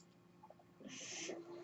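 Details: Mechanical ventilator noise heard during a podcast recording by its user; a low steady hum, then a rising airy hiss with a faint whistling tone as the ventilator pushes a breath.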